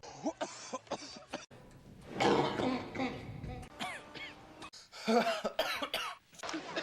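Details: Acted coughs from a movie supercut of film coughs and sneezes; coughs and throat clearing with background music and voices; simulated coughing, not real illness.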